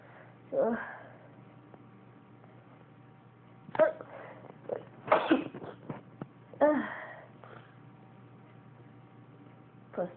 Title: Cat meows when I sneeze